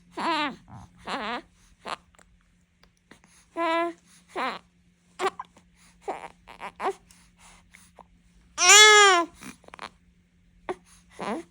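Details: Baby with hiccups: sudden short, squeaky voiced bursts repeating about once a second, typical infant hiccups.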